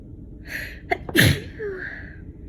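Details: Sneezing from a person with a very itchy, persistent nasal tickle, the sneezes slowing down: a quick catch of breath, then one sharp, forceful sneeze with a brief voiced trail-off.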